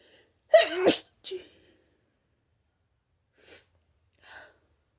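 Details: One forceful, explosive hay fever sneeze with a sharp in-breath before it, then quieter sniffs and breaths; violent sneezing.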